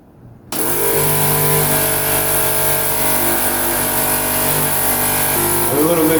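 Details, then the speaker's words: A suction machine is switched on during a demonstration of suctioning an infant to remove secretions, to check that suction works: a loud, steady motor hum and whir starts abruptly and runs continuously. "I'm going to connect this with my suction tubing I'm gonna put my suction machine on"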